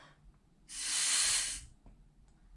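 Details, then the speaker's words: Breathing exercise in Parkinson's speech therapy: lips sealed around an expiratory muscle strength trainer, blowing out as hard and fast as possible, giving one strong hissing rush of air of about a second. "so what happens is you wrap your lips around this part and you blow out real hard"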